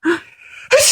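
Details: Child laughing at a parent's sneeze: sneezing heard amid laughter and music.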